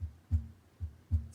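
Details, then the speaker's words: Patient simulator manikin heard with the stethoscope diaphragm at the aortic valve area: regular lub-dub heart sounds at about 72 beats a minute; normal S1 and S2. "listening for the love dog lub dub then listen on the left side for the pulmonic valve"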